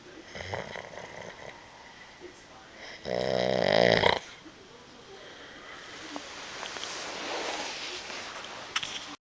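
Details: Adult man (dad) asleep and snoring: a loud, rough, rattling snore on an in-breath, followed by quieter breathing.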